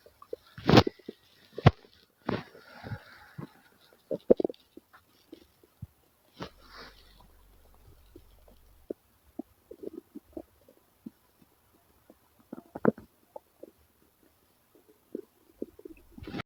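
Scattered soft gurgles and low rumbles with quiet gaps between them; ordinary stomach growling.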